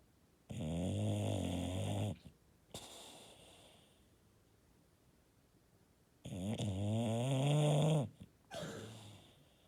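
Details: Bulldog snoring: long, rattling, deep breaths with short gaps between them, the loud vibrating snoring typical of a flat-faced dog.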